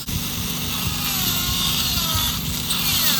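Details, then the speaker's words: A surgical bur guttering the peripheral bone around an impacted distoangular wisdom tooth during surgery: a loud, whining, grinding drill sound. "okay so you see the I'm removing the peripheral bone which is called bone guttering and the depth and the width of the guttering is very important"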